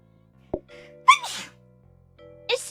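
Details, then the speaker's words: Streamer sneezing mid-game: a quick breath in, then a high-pitched, squeaky sneeze over soft background music; sneeze. "Excuse me. Bless me. Do not sneeze while fighting an Elder Ring. It's very dangerous."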